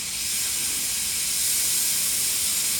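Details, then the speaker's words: Dental sealant demonstration on a simulated patient with set teeth: loud continuous hiss of an air-water syringe with high volume evacuator suction, rinsing phosphoric acid etchant off the tooth for about 10 seconds. "Have it nice and rinsed. How long do I rinse for? 10 seconds. Get it nice and good. Make sure all that phosphoric acid is off."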